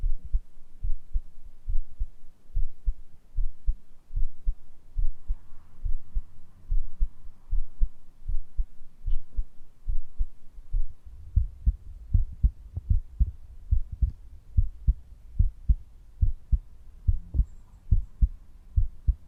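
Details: Real heartbeat heard through a stethoscope in an ASMR home cardiology-exam roleplay, patient relaxed and breathing normally: steady, regular normal heart sounds at about 73 beats a minute, with no skipped beats.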